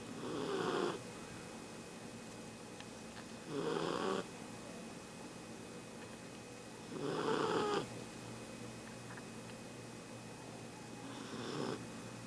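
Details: Small sleeping Bichon dog napping: four rough snoring breaths about 18 per minute, each with a buzzy flutter on inspiration, in a quiet room; snoring.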